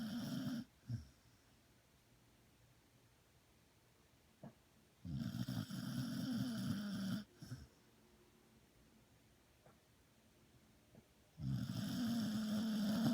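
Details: Sleeping dog: three loud, rough, rumbling snores separated by quiet pauses, with a few soft clicks between them. Snoring.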